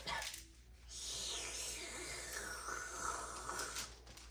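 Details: Simulated tracheostomy suctioning in a nursing OSCE on a patient with trach collar removed; steady suction hiss with wet gurgling as secretions are drawn out, after which O2 saturation rose to 98% and respirations fell to 18.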